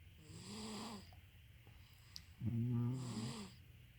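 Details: Mother and baby snoring together during sleep: two low, rattling snores, each about a second long, with a quiet pause between; ordinary snoring.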